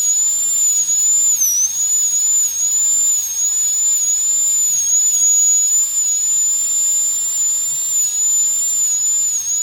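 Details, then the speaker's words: High-speed dental drill cutting the lingual side, mesial then distal, in a full metal crown preparation on tooth #46 in a phantom head: continuous very high-pitched whine, wavering slightly in pitch under load. "Okay, now I will do on the lingual side. Now in the lingual side we have only two cusps."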